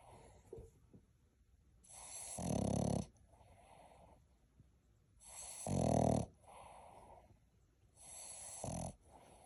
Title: #Puppy Snoring #shorts